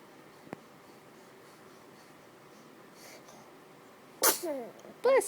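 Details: Baby sneezing: quiet room, then two abrupt explosive sneezes about a second apart, each with a brief voiced tail.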